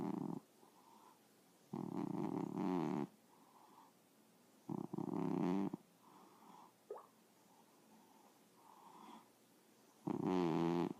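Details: Dog asleep: loud buzzing snores at uneven intervals, with softer breathy sounds between them; snoring.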